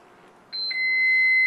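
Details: Baxter infusion pump being programmed to run the primary infusion after the tubing is connected: short high electronic keypad beeps, then a sustained steady tone; routine infusion pump keypad beep.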